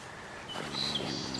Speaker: over there, you can hear him snoring away in the background.